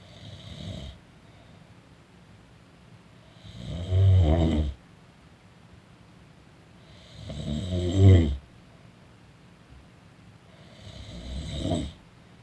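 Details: A person snoring while napping: low, rumbling snores with rattling peaks, about one every four seconds, with quiet pauses; ordinary snoring during sleep.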